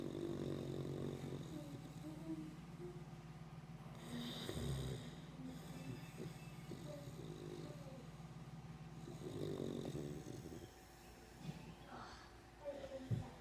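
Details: Loud, rumbling snores every few seconds over steady background noise: ordinary snoring.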